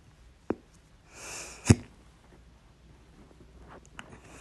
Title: 8-12-23, My Loud, Second Hiccups (Update: Sorry, I was sick and didn’t feel like correcting it)